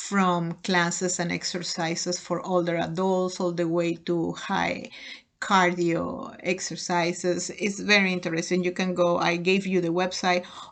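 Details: Adult woman speaking; ordinary speech.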